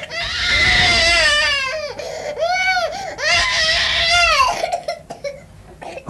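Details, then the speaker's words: Infant with whooping cough, an illness described as a constant fight for breath lasting up to 12 weeks; distressed crying in strained, wavering wails with catching breaths between, in a 1980s health-education public information film. "you may not realize just how bad whooping cough can be to an infant it is a constant fight for breath that can last for an agonizing and stressful 12 weeks"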